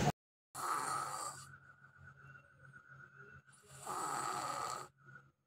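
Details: Five-year-old child with chronic adenotonsillitis, enlarged adenoids and tonsils, mouth breathing in sleep, before adenotonsillectomy: two loud, harsh snoring breaths with quieter noisy breathing between them; snoring.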